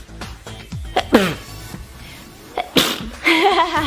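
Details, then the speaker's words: A girl feels a sneeze coming on: a rising gasp then a single sharp, explosive sneeze, with faint music and voice afterwards. "I got that I tried to stop it but it came out anyway it's okay we got Shield hello o I feel sneeze coming on"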